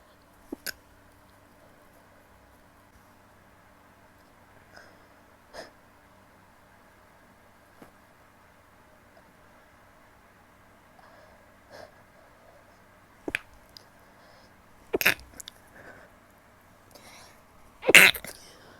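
Several small, muffled bursts building to louder sneezes near the end, with quiet room noise between; stifled sneezes.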